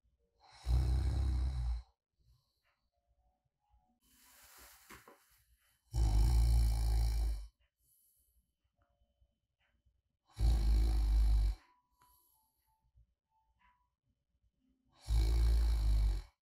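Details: Light snoring during deep sleep, ASMR recording: steady, regular snoring on each in-breath, about fourteen breaths a minute, with soft exhales between.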